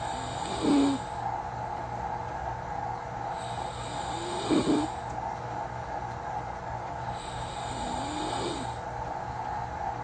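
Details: Soft, quiet snoring from a person recording themself, recurring about every four seconds (roughly 16 breaths a minute), over a steady fan or appliance hum; mild snoring.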